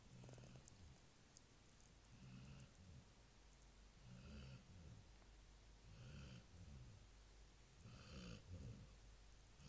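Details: Sleeping Labrador dog's routine nightly snoring: low, rumbling snores, one on each breath about every two seconds (roughly 30 a minute).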